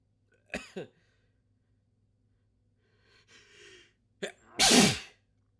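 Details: Huge sneezing fit with wet sniffling and nose blows, let out in full force: two quick sneezes, a sniff, then a large explosive sneeze in a quiet room.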